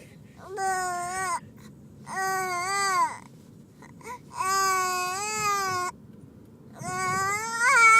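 Four sustained, wailing cry bursts separated by short breaths: a typical infant cry.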